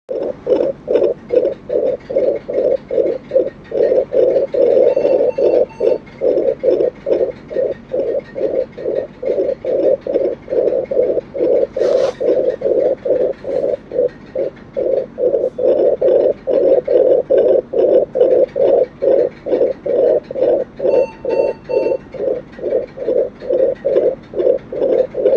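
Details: Fetal heartbeat in the womb on Doppler: a rapid, regular, galloping whoosh at about 143 beats a minute. Finding: fetal heart sounds on Doppler.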